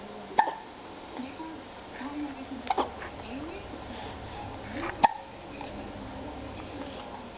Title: 2 months MVI 0037 ow woo woo & hiccups